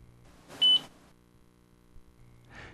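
A single short, high-pitched electronic beep over quiet room noise, the Holter monitor signalling that its data download is complete.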